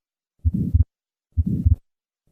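Regular heart sounds at about 63 beats a minute, with a soft whooshing murmur just after the first sound that peaks early and fades before the second. This is an innocent flow murmur, reflecting normal blood flow across the aortic valve, not obstruction.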